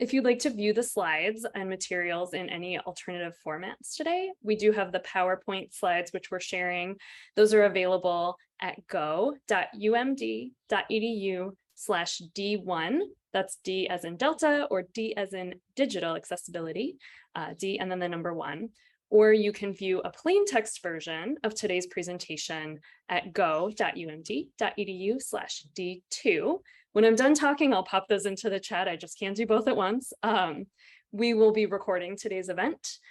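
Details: Adult woman speaking; typical speech.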